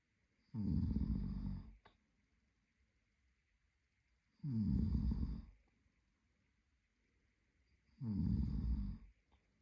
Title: Snoring Boyfriend | My favorite Whitenoise